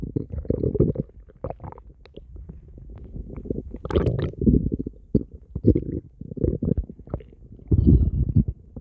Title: stomach growling 8